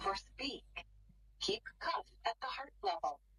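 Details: A synthetic female voice from a talking digital blood pressure monitor gives an English instruction in a quiet room. The cuff is loosely wrapped on the arm at heart level.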